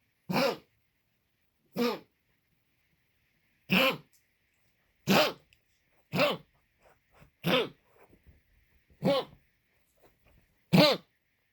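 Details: Dog's cough, sound only: eight single, harsh coughs spaced one to two seconds apart, in a quiet room.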